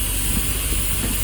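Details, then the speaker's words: Built-in nebulizer of a 10 LPM oxygen concentrator, started with the oxygen flow set to zero: a steady hiss with a low hum. "So from here the nebulization has started. So using the given nebulizer kit, you can start nebulization."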